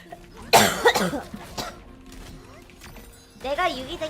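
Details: Girl coughing with a few sharp coughs followed by talking, music in background; short coughing bout.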